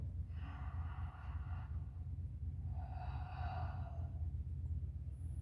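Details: Pulmonary auscultation of a female patient's posterior chest, scapular zone, with a stethoscope, breathing through the mouth on request: two soft, even breath cycles, airy, smooth, no wheeze or crackles; normal breath sounds.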